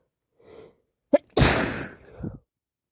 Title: Sit with me as I sneeze awful allergies plus cold makes me sneeze 🤧 non stop